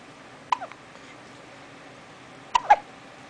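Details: Baby with hiccups: two brief, sharp, squeaky catches about two seconds apart in a quiet room.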